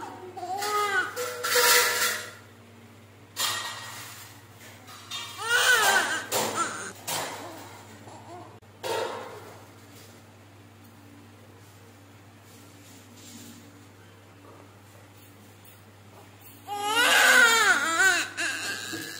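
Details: Newborn girl born at 39 weeks by normal delivery, first cry immediately after birth: bursts of high, strong crying separated by quieter pauses, with faint room noise.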